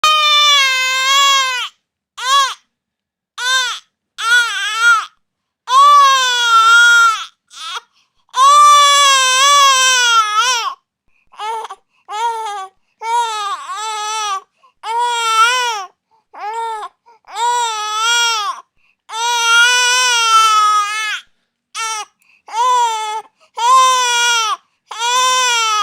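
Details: Infant crying in repeated bursts, with a high, tuneful, wavering pitch and short gasping pauses.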